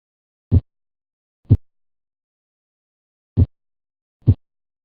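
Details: Simulated cardiac cycle slowed to 24 beats a minute for teaching, with clear paired lub-dub sounds; normal S1 and S2 heart sounds.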